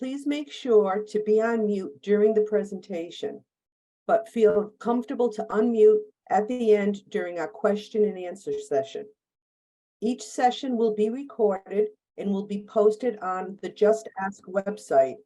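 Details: Adult woman; typical speech.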